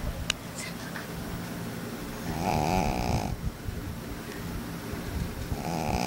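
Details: Baby pug deep asleep despite kids disturbing him: loud rattling snores with a whistling edge over constant noisy breathing, typical of a flat-faced dog; snoring.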